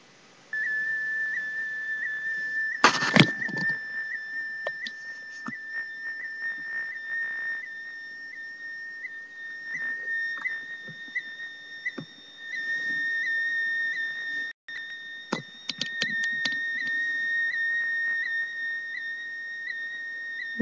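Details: Cardiac event monitor worn by the patient, who records their own heart rhythm while sitting still: steady high whistling tone with regular small warbles carrying the ECG as sound, with brief handling noises.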